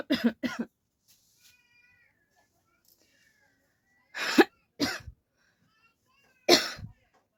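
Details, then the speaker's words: Deliberate coughing for a coughing challenge, by a sweating person in a hot room with the fan off: a pair of forced coughs, a quiet pause, then three more. "Guys खासी हो रहा है उसके साथ जो है मुझे पसीना भी बहुत आ रहा है"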